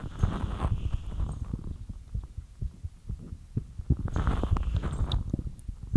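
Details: Fast heartbeat after light exercise: muffled, rapid low thumps at about 125 beats a minute under a steady hum.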